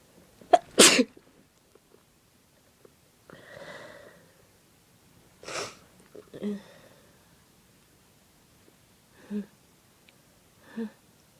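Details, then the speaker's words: A woman with a bad cold of about 3 days, with fever, sore throat and a running nose: a forceful explosive sneeze, followed by breathy sniffing and short vocal sounds; sneezing. "Ugh, I've got a cold. Sneeze."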